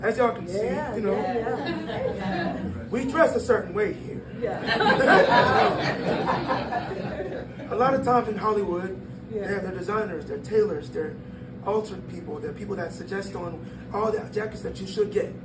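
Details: 22-year-old man born prematurely at about one pound, vocal folds developing after birth and still not closing fully; breathy voice from incomplete vocal fold closure.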